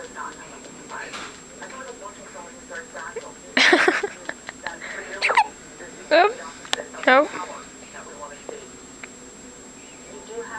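Several sharp, abrupt gulping hiccup sounds at irregular intervals, with faint background voices; ordinary hiccups.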